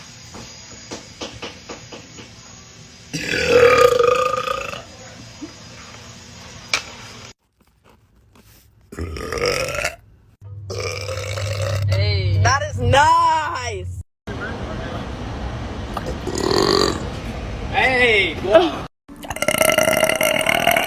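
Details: Girl burping: several loud, drawn-out belches with a voiced, croaky tone, separated by pauses and brief background sounds.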